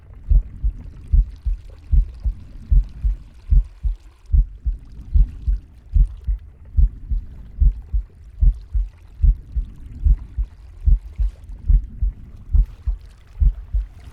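Steady low thumping heartbeat of a pig through a stethoscope, about 75 beats a minute, with soft breathing and faint gut rumbles.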